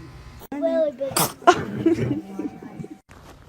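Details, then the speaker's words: Baby's sneeze: the small infant vocalizes, then gives a sudden sharp sneeze followed by a soft coo, as adults say bless you; a normal infant sneeze. "Ay, ay, ay, esos estornudos. God bless you. Bless you."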